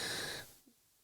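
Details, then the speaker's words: Adult trying to quit smoking cigarettes who reports wheezing badly with chest and lung trouble: a short, harsh, noisy breath with faint whistling tones that fades into quiet. "i'm pretty sure you can hear i am wheezing pretty badly at the moment my lungs and chest everything see trying to come off the cigarettes"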